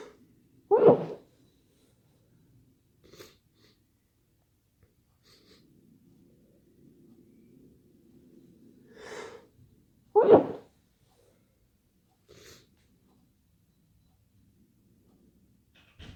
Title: Itchy sneezes 🤧🤧🤧